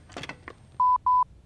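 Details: Medtronic LIFEPAK AED in a training demonstration, just after pressing the on/off button: a click, then two short steady electronic beeps before the voice prompts begin; AED power-on tone.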